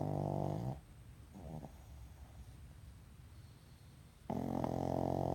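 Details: Sleeping pug snoring: loud, vibrating, fluttering, rattly snores about four seconds apart, typical of a flat-faced dog.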